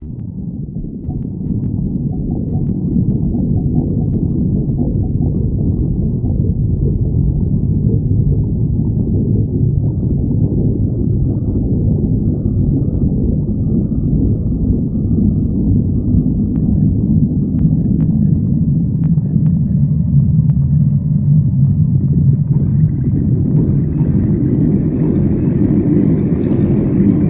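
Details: Stomach growling (borborygmi): continuous low, deep rumbling and gurgling from the belly.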